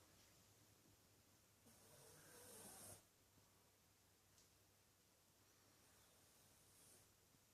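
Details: 13-year-old rescued Shih-Tzu/Pug dog that sleeps with eyes slightly open and snores as loud as most humans: a single raspy, hissing snore over faint room hum, then quieter breathing and a softer second snore.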